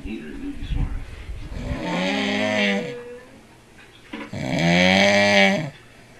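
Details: Loud snoring from a sleeping adult man, likened to a cow giving birth to a calf.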